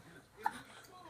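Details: Infant with hiccups: a single brief, sharp voiced 'hic' against a quiet room background; hiccups.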